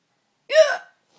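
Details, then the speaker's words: Woman's hiccup, which she says comes about once a year and is unusually loud: a single loud, sharp, voiced hiccup like a sudden squeaky gulp. "so i occasionally get the hiccups and when i do now it's like once a year this is what they sound like"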